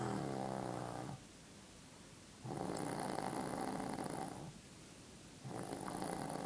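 Steady, loud rattling snores on each breath in, with quiet pauses between, about ten breaths a minute.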